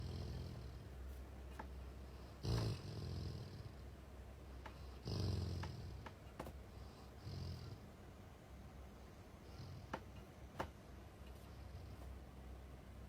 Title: いびきゴールデンレトリーバー！Golden retriever is snoring.